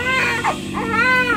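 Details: Sustained high-pitched, clearly voiced crying of a first baby just after delivery following an induced labor; a vigorous newborn cry, a normal finding.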